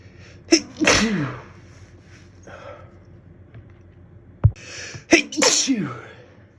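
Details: Slow-burning, itchy, teasing sneezes: two sneezes, each preceded by a sharp catch of breath, separated by a quiet pause in a small room.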